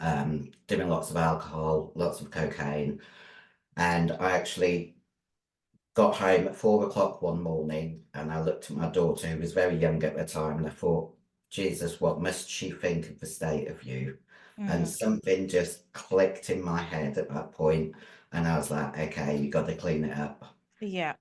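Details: 56-year-old female bodybuilder with androgen-induced voice deepening (virilized voice) after large doses of anabolic/male steroids. Her formerly high-pitched voice is now very deep and she can no longer sing. She also has past liver damage.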